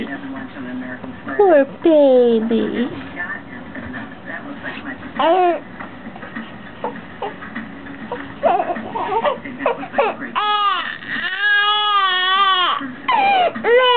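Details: Baby fussing and crying in rising and falling wails, with a television and an adult's voice in the background; an ordinary infant cry.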